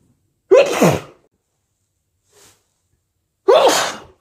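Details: Two strong, wet sneezes, each with a quick inhaled lead-in, separated by quiet.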